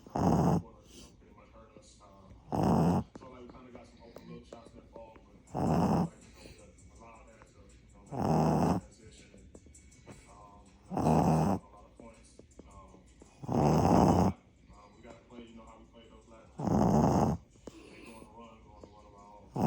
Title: Snoring and sleeping with her eyes open😅